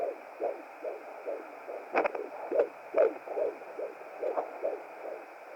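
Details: Fetal heartbeat at 17 weeks 5 days of pregnancy on a hired Hi Bebe BT200 home fetal Doppler: fast regular whooshing beats, about 140 a minute, within the normal range.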